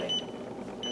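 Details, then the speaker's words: Zoll crash-cart defibrillator during its daily 30-joule test: charge is pressed and the shock button is pressed when the alarm lights up; short high electronic beeps, a normal test-shock alert tone. "we go ahead and press that charge button 30 joules and when the alarm lights up on three we press the shock button"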